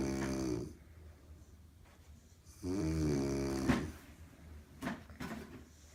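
Two loud, rattling snores on breathing in, with quiet gaps between them: ordinary snoring during sleep.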